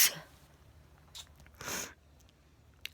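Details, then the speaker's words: Late at night: two sharp sneezes with a sniff between them in a quiet room; sneezing. "oh my God I was sneezing so hard my whole my whole body in a spasm I couldn't even pick my phone up"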